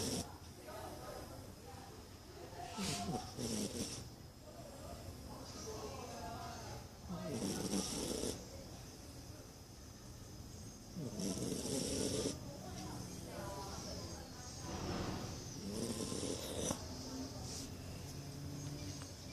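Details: Sleeping corgi, very tired after a Christmas party: repeated rattling, snorting snores rising and falling with each breath, about four loud bursts a minute; snoring.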